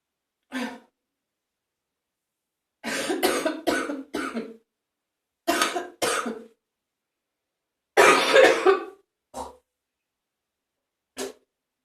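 About ten harsh, wet coughs in short clusters with pauses between; a loose phlegmy cough clearing mucus.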